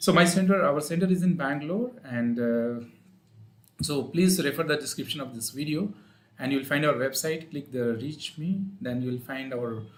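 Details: Adult male speaker; ordinary speech.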